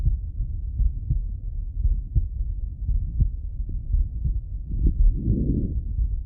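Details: Adult male heart auscultated by stethoscope: muffled, steady heartbeat at about 57 beats a minute with low rumbling body noise; normal heart sounds.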